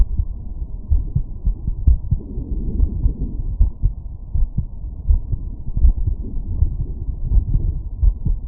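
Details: Heart sounds at aortic area after exertion.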